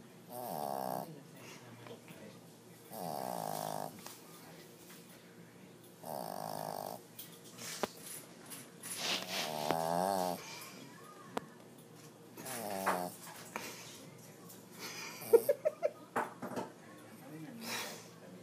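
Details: Snoring: loud, regular snoring, one snore about every three seconds, each with a rattling buzz as the animal breathes in, then a few softer snuffles.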